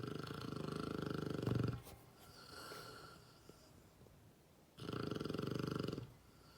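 Two long, low, rattling snores about four seconds apart, with quiet breathing between them: snoring in a sleeping dog.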